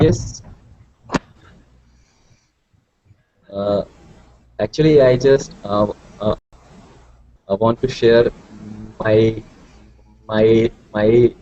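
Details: Participant from India in an online stuttering support hangout; word repetitions audible; stuttering.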